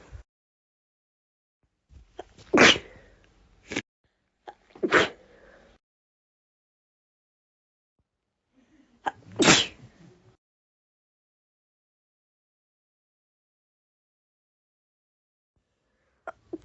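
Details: Sneeze attack: three forceful sneezes with short breath catches before them, followed by a couple of faint stifled ones: a bout of repeated sneezing.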